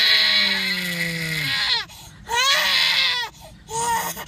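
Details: Infant, described as irritated and sleepy, crying loudly in long high-pitched wails with short gasping breaks while an adult coaxes louder crying for the camera; ordinary fussy infant cry.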